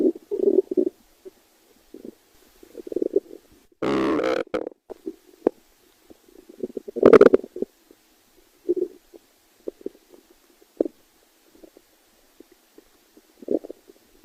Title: stomach growling